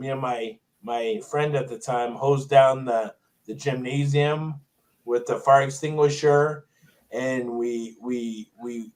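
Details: Stuttering in an adult male with Tourette syndrome; significant stutter since a toxic brain injury in 2000.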